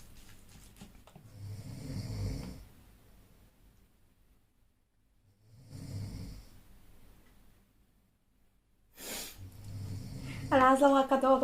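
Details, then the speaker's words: Sleeping male roommate snoring: long, rough, low rattling breaths at intervals of about four seconds, with quiet pauses between them. "one of my roommate is sleeping and he's snoring"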